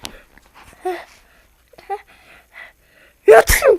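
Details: Simulated, pretend sneeze after acting out waking from sleep: soft sounds, then one sudden loud explosive burst of air at the end.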